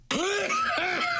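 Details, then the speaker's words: Adult man, a habitually very loud sneezer: one sudden, very loud, voiced sneeze burst, then his own startled "whoa." "Oh, you can be out in the parking lot and hear him sneeze. And here's, Your Honor, here's the evidence."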